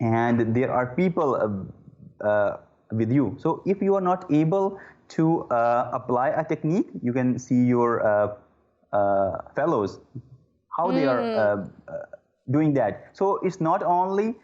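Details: Adult man who stammers; disfluencies include repeated 'uh'. Stuttering.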